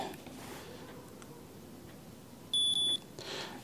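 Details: Glucometer used for a fasting blood sugar check before eating aloo paratha: two short high-pitched beeps in a quiet room signalling the test strip is inserted and ready.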